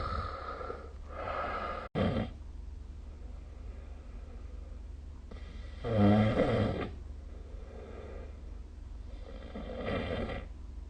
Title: 🐽 Snoring Sleep Sound / いびきの音